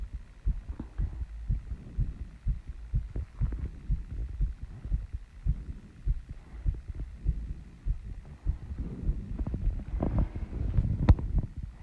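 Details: Female's fast heartbeat after running and squats, slowing from the start, still out of breath: rapid low thumping heartbeat with heavy breathing noise over it; tachycardia after exercise.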